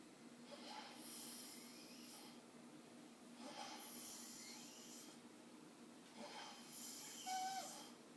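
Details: Adult male asleep sitting up in a chair after staying up all night playing games; soft, breathy snoring over about three slow breath cycles, faint and hissy, with a steady low room hum; snoring.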